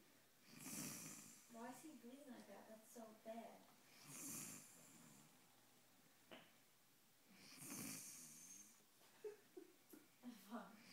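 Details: A sleeping person snoring, likened to a horse: hissing breaths alternate with fluttering, whistling snores on inspiration, repeating every few seconds in a quiet room.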